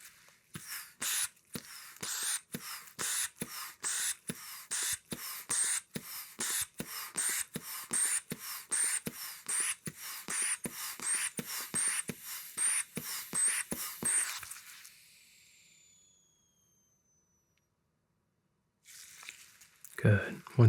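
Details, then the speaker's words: Simulated manual blood pressure check during ASMR role-play annual physical, stethoscope on arm: about 28 quick rubber bulb squeezes inflate the cuff, then a hiss of air as it deflates. "good and just put my stethoscope on hold your arm and we're going to get that pump up okay"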